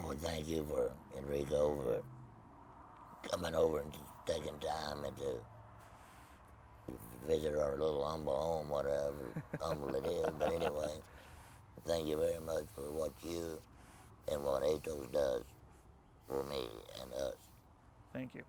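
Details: Tracheoesophageal speech in an adult man after total laryngectomy with no voice box, speaking with a Provox voice prosthesis.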